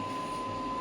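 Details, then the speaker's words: Cooling fan running inside the handpiece of an electromagnetic radial shockwave therapy machine (clinical model, metallic applicator), switched on over a joint at minimum frequency: steady whirring hum with fixed high tone, fan cools handle heated by repeated bullet strikes. "As soon as I click on the same, you can see the voice of the fan. The fan is there in the probe to cool off because the bullet is keep on striking, so the handle will heat up. To cool off the same, this fan is there."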